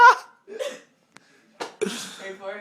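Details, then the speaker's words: Person with bad hiccups trying to talk, with sudden voiced gulping bursts mixed with short vocal sounds and a sharp click; hiccups interrupting speech. "now snow day hiccup I have the hiccup so bad ready"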